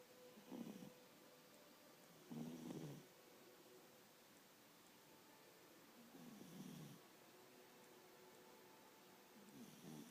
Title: My cat snoring again!